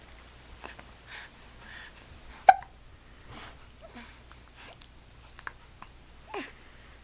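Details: Infant with hiccups after being shaken and his belly jiggled, past nap time and said to get hiccups often: one sharp, abrupt hiccup among soft breaths and small voice sounds.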